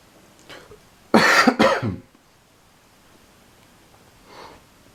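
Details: Person with allergies sneezing: a soft breath, then two abrupt explosive bursts in quick succession and a faint exhale afterward; double sneeze.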